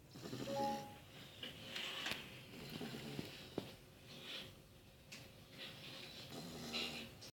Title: Cane Corso asleep and snoring